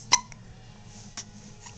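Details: Young girl in the morning: a sharp, sudden hiccup followed about a second later by a fainter one, in a quiet room; hiccups.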